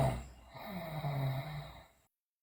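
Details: Sleeping girl snoring loudly, also described with teeth grinding and as delirious: a single loud, low rumbling breath sound during sleep, typical snoring.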